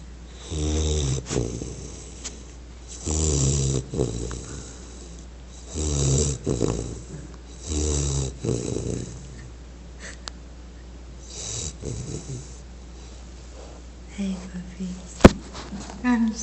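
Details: American Bulldog snoring: rhythmic rattling snores about one every two and a half seconds, then quieter breathing and a sharp knock.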